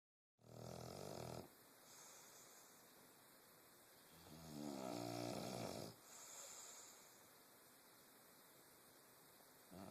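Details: Someone snoring during a nap: two or three slow, low rumbling snores on the in-breath against steady background hiss.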